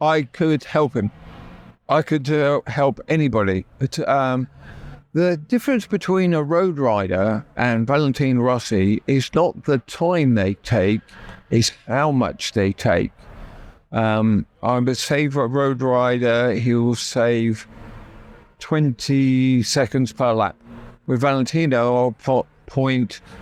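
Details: Adult male, real (not acted), with chronic aphasia after a stroke about 12 years earlier that left his right side paralysed; he had to relearn speech and left hospital able to say only three words; finding: aphasia.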